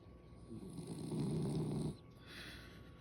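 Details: A dog snoring: one low, rattling, fluttering breath lasting over a second, then quiet breathing.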